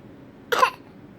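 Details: Single short, dry cough from a 1-year-old child, prompted to cough, in a quiet room: a cough.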